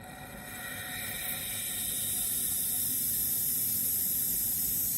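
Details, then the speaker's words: Steady hiss of a nebulizer running during a routine respiratory treatment, patient upright holding the mouthpiece with lips sealed; the treatment takes about 4 minutes. "While the nebulizer treatment is going, it is very important that you do not leave the patient's room. The nebulizer will only take about 4 minutes."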